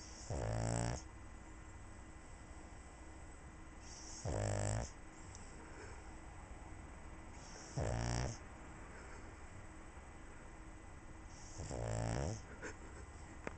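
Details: Sleeping pug snoring beside a cat: regular low rumbling snores on each inhalation, about every four seconds (roughly 16/min), over steady room hum.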